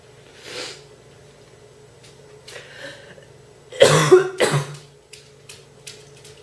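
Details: A girl coughing: a faint cough, then two louder harsh coughs with a throat-clearing quality, followed by soft breaths in a quiet room.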